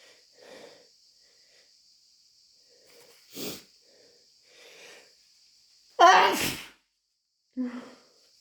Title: Desperate, wet chhinkni sneezes plus a snotty blow